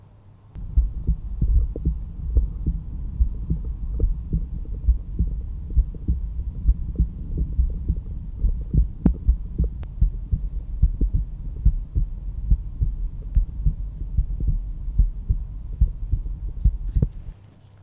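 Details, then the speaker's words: Steady lub-dub at about 71 beats a minute via stethoscope over the pulmonic area, second left intercostal space at the sternal border; normal heart sounds in a resting adult. "aortic valve and the pulmonary valve control the blood flow from the ventricles to the rest of the body and when they contract they create the second heart sound that we hear the dub dub dub dub dub"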